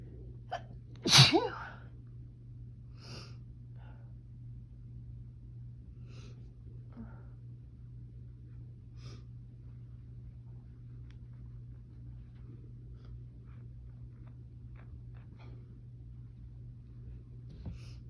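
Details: Woman sneezing at night on a summer evening, her allergies flared by the heat in Florida: one loud, sharp sneeze, then quiet breathing and faint small noises over room hum.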